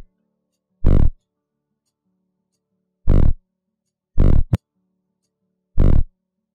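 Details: Animal heartbeat sounds from a lab exercise, species not stated: slow, deep heartbeat thumps spaced unevenly apart.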